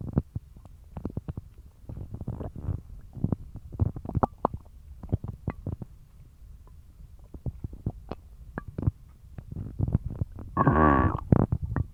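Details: Stomach growling after eating dog treats, which caused a bellyache and loose bowels: frequent irregular gurgles and squelches with a longer rumbling growl near the end, loud active bowel sounds.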